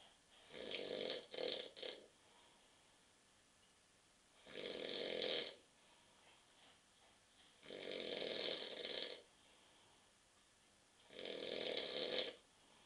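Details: Adult man asleep on a sofa on a Saturday night after drinking too many beers, recorded at 9.30 p.m.: four long, rough snoring breaths about 16 a minute in a quiet room, with a brief double snort at the start; snoring.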